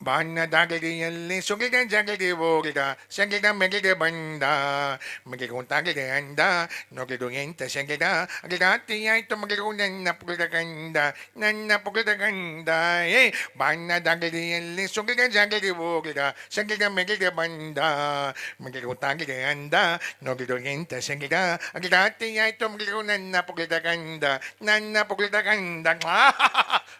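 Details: Acted: a comedian imitates a boy with a short tongue who lisps or stammers, singing with consonants substituted by 'g' sounds; imitated articulation disorder (consonant substitution).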